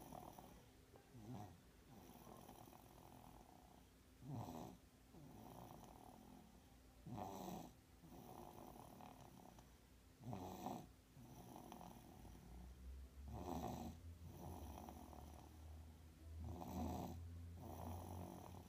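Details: Soft, rhythmic snoring at about 19 breaths a minute, with brief louder snorts on some breaths, during sleep in someone who had a bad cold; snoring.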